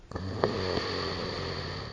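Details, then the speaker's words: Snoring that the recording says can be a sign of sleep apnea: one long, loud whirring snore with a buzzing, vacuum-like, dustbuster quality; heavy snoring. "we call that snore the dustbuster while snoring can be a funny topic it can also be a sign of sleep apnea a serious medical condition"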